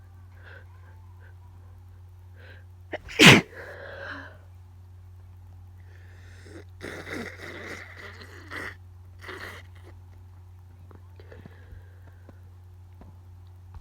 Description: I have no idea what’s going on with my nose but it tickles so much and all the sneezes are wet and powerful